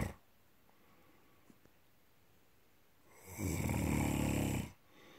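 After a few quiet seconds, one loud, low, rattling snore lasting just over a second on an in-breath, in a quiet room.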